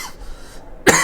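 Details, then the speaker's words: Gamer coughing while playing; cough persisting about a month after a quickly recovered cold, on medicine from a doctor without relief yet; persistent cough. "I know I'm going to be coughing a lot during the cut scene, so whatever."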